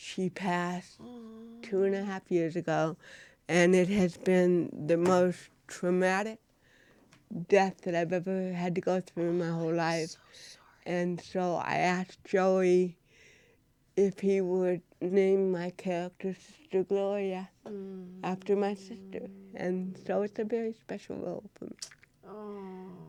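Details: Dysarthria in an adult woman, an actress, who has cerebral palsy.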